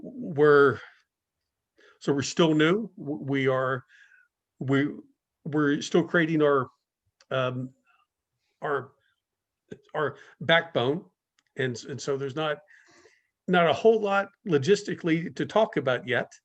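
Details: Adult guest speaker at a stuttering speaker series; a long pause within a phrase may be a stuttering block; stuttering.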